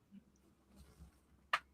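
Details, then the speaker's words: A single sharp crack from an adult's knees over quiet room noise and faint murmuring, a deliberately attempted knee crack during a live chat show; knee joint cracking (crepitus). "Should we try the knee cracking again? I didn't hear it last time."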